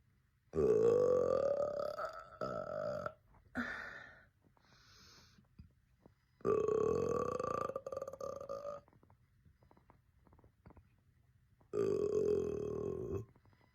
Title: Girl burping #burp #burping